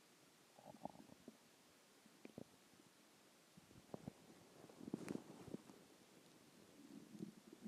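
Quiet gurgles, squeaks and bubbling rumbles from the belly at irregular moments; normal stomach growling.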